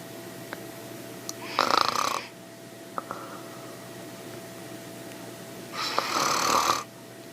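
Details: Snoring: two loud, harsh, buzzing breaths about four seconds apart, separated by quiet.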